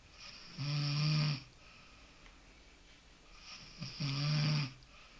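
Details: Snoring: two loud, low, rattling snores on the in-breath about three seconds apart, typical heavy snoring.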